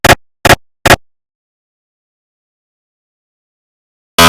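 Recreated MRI scanner noise: three loud, sharp knocking bursts, a pause, then another burst; normal gradient knocking of a scan.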